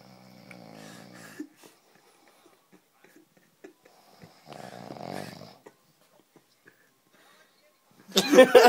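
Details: Two long, low, rattling breath sounds several seconds apart, then a loud burst at the end; snoring during sleep.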